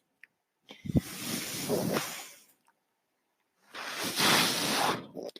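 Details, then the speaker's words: Mechanical ventilator breathing cycle: the speaker's own ventilator heard during speech, with two long airy hissing whooshes about three seconds apart and a soft click before the first. "hello everyone my name is that noise earring is my ventilator and welcome to patron as they were not my Star Wars podcast today will be a brief podcast discussing Star Wars and the plan"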